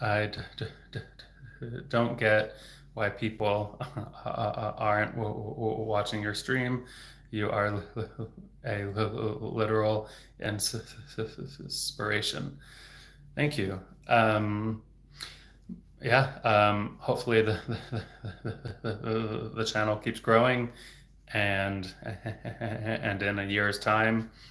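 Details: Real stuttering in an adult male speech-language pathologist who stutters, heard stuttering openly.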